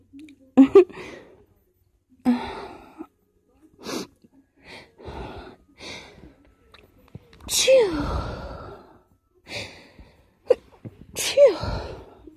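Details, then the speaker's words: Person attempting to stifle strong sneezes: series of sneezes, several partly stifled, some too strong to stifle, with quick inhalations between bursts; repeated sneezing. "are almost too strong to stifle, but not quite. Oh my god, they're so strong."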